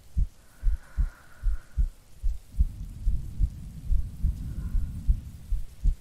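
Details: Steady low thumps at about 74 a minute with rain and distant rumbling, a recorded heartbeat presented as a sleeping girlfriend's for sleep-aid ASMR; normal heartbeat.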